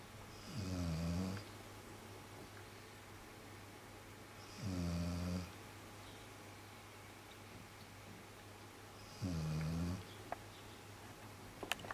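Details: A sleeping dog snoring: three loud, low, rattling snores on slow breaths, about 14 a minute, in a quiet room; the owner had blamed someone else for the snoring.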